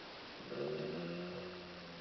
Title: Snoring like a Breathing